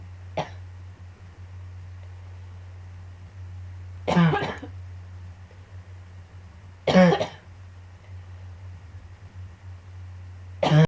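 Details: A recurring, annoying coughing fit: four short, sharp coughs spaced a few seconds apart over a steady low room hum.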